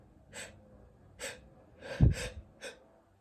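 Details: Male sneezing: five short, sharp, breathy bursts in about three seconds, two close together; a run of sneezes.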